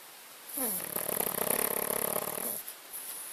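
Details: Pug snoring at night: one long, rattling, fluttering snore on a single breath, with a steady hiss in the background.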